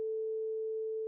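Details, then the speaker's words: Rinne hearing test: steady, pure humming tone of a vibrating tuning fork, as heard by air conduction next to the ear after bone conduction; a positive test means intact air conduction. "This describes a positive Renee test."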